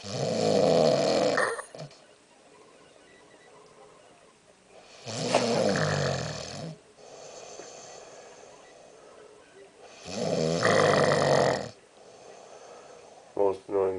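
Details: Pregnant woman snoring in her sleep: three loud, rough snores about five seconds apart, roughly 12 breaths a minute, with quieter breathing between them; snoring.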